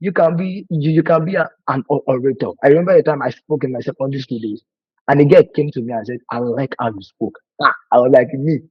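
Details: Adult man who has stammered for over 20 years, worse with nervousness and fear, with a family history (brother and sister also stammer); words break when he speaks; stuttering.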